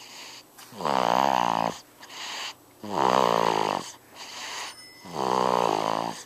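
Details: Loud, tonal snores on each inward breath, about 27 a minute, with softer breathy outward breaths between, from a baby about four weeks old sleeping; infant snoring.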